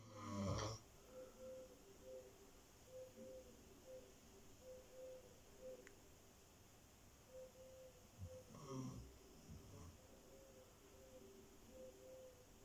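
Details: Dog snoring: soft, repeated low snoring sounds with each breath in a quiet room, about twelve breaths a minute.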